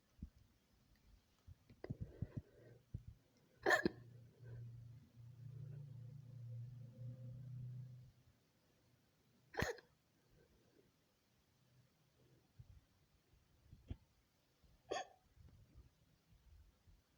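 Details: Woman's hiccups, a collage of recorded episodes: four to five sharp, abrupt hiccups over seventeen seconds, with soft breathing and faint room noise between; hiccups.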